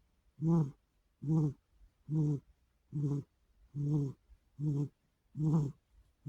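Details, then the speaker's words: Cat snoring while deeply asleep in the afternoon after playing all night; steady, evenly spaced buzzing snores, about 70 per minute, with quiet gaps. "This is proof the cats snore."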